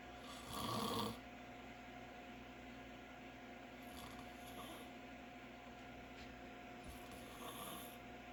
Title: More of my Dad snoring